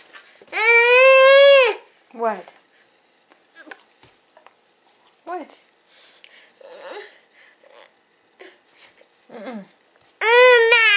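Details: Infant crying after breaking free, bottom lip rolling out: loud sustained wail, short whimpering sobs and sniffles, then another long loud cry.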